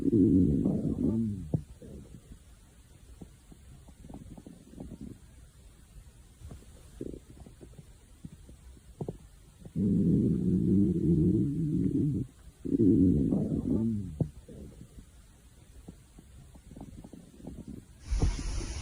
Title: hungry stomach growling